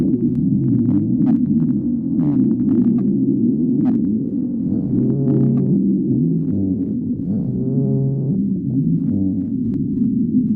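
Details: Stomach growling: continuous low rumbling with gurgles and a few rising, squeaky tones throughout, borborygmi.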